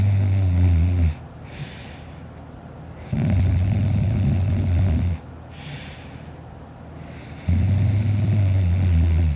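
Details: Sleeping child, older recording: loud, deep, rattling snores about two seconds each, three breaths with quieter exhalations between; heavy snoring.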